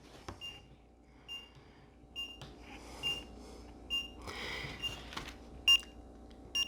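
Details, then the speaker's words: Short, high electronic beeps about once a second over quiet room noise from a finger pulse oximeter during an adult's baseline vital checks at the start of a 90-day weight-loss program; reading high 90s (97), normal. "I just turn it on and I just put it on my finger and it just takes a minute. It beeps. You can hear it beep."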